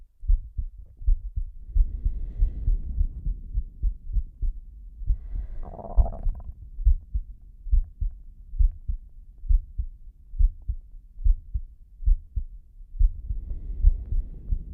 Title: slow heartbeat (w/heavy breathing)